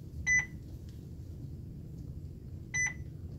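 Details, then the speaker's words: Two short electronic double beeps in a quiet room during a demonstration of an IV infusion pump starting a saline line: an occlusion alarm because the tubing clamp was closed. "Make sure my clamp is open or it'll beep at me. Occluded."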